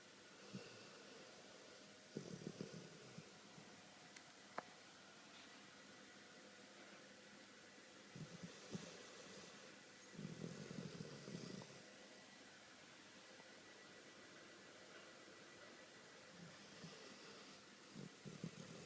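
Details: Animal passed out asleep after a long day: soft, irregular snoring bursts with quiet pauses between breaths in a small room.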